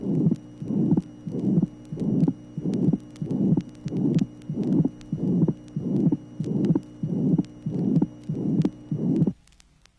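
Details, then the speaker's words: 1967 auscultation teaching record, tracing 19: ventricular septal defect, heartbeat about 94 a minute with a harsh pansystolic murmur and widely split second sound. "tracing number 19 interventricular septal defect pan systolic murmur widely split second sound"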